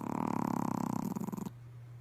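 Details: Pomeranian dog in a midday nap: rapid fluttering, purr-like snore lasting about a second and a half, then quiet; snoring.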